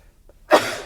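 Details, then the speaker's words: A single sudden, forceful sneeze after near silence, a burst of noisy air fading within a fraction of a second, from a podcast host who excuses himself mid-conversation during a podcast recording. "Is that the first sneeze ever on the You'll Hear It podcast? First ever sneeze."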